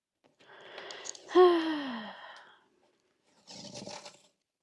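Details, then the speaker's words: A rough, rattling indrawn breath with a falling groan, then a softer breathy outward puff: a male dog snoring loudly in the background of a quiet room. "Popo, do you have to snore so loudly? Oh, okay, he does. Just so you know, everyone, he does have to snore that loudly."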